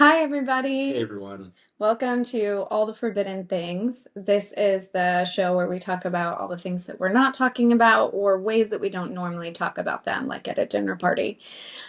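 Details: Adult woman speaking; ordinary speech.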